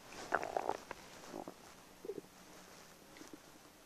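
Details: Ordinary stomach rumbling (borborygmi): gurgling, bubbling rumbles from the belly, irregular and fading, from gas and fluid moving through the gut; person wonders if they may have IBS.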